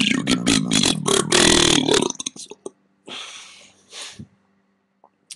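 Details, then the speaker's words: Voluntary burping in a burping challenge: a long, loud, rumbling belch followed by a shorter second burp, made on purpose. "straight off the bat one burp for you there is no way"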